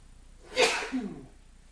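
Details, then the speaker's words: Adult male with hay fever just back from outdoors, pollen-triggered; a single forceful sneeze with a sharp hissing burst and short voiced tail in a quiet room: allergic sneeze. "So I've just been outside and my hay fever is, sorry, I can't speak. This is what it's like."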